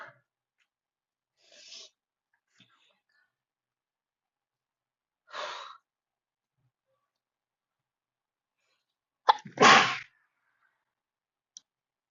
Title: desperate sneezing fit at my desk